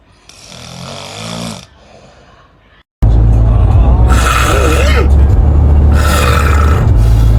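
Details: Loud, low, rumbling snoring with a harsh rattling quality after a brief softer breath and a pause, interspersed with snorts; snoring.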